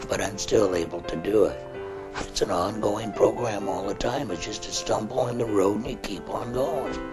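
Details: Man who has had a laryngectomy, speaking through a tracheoesophageal prosthesis by covering his stoma and pushing air into the esophagus, using the esophageal muscles as false vocal cords. Tracheoesophageal speech after laryngectomy.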